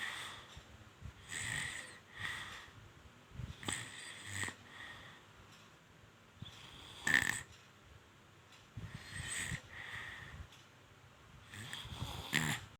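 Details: Sleeping baby snoring: soft rhythmic snoring and snuffling with each breath, about eight breaths over the stretch.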